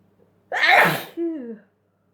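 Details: Dusty sneeze: one forceful sneeze with a noisy blast and a brief voiced tail.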